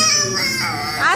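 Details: Loud, sustained, high-pitched wailing cry from a baby.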